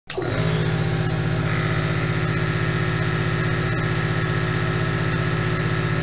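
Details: Steady mechanical hum with fast regular pulsing and a hiss of aerosol: a nebulizer compressor running continuously, from an 8-hour ASMR recording.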